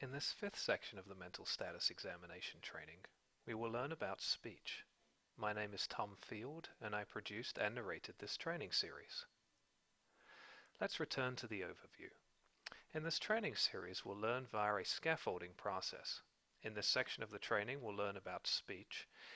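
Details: Adult man narrating; Normal adult speech.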